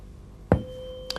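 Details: Weber hearing test during an ENT examination of an adult male patient with ear pathology on one side: a tuning fork is struck, giving a sharp tap and then a steady ringing tone, before being applied firmly to the middle of the head.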